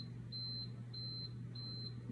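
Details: Apex locator with a file attached during endodontic working-length measurement: repeated high-pitched electronic beeps, about three in two seconds, over low room hum as the display counts down toward 0.0 at the root apex.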